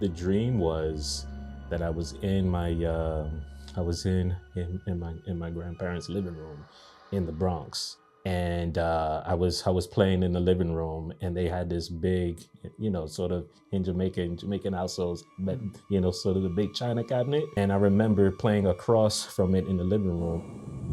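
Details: Adult man stuttering since a nightmare at age three, with blocks and repetitions worsened by anxiety into adulthood; speech therapy since 2020; stuttering.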